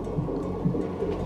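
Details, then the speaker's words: Rapid, whooshing, rhythmic fetal heartbeat pulses at an ultrasound exam of a pregnancy with a baby boy, heard as the family is told "that's the baby's heart"; normal fetal heartbeat on ultrasound. "Do you hear it? That's the baby. That's the baby's heart."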